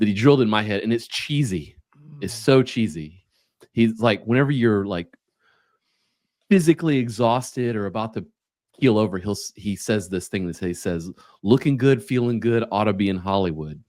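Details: Adult male; normal speech.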